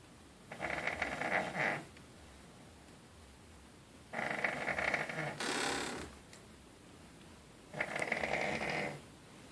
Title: The snore